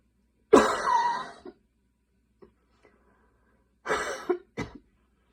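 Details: Night coughing fit at 12:30 am while unable to fall asleep: a harsh, drawn-out cough then a cluster of three shorter coughs, quiet room.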